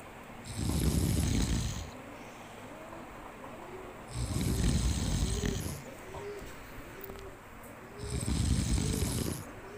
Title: monkey sleepy and many snoring sound💤💤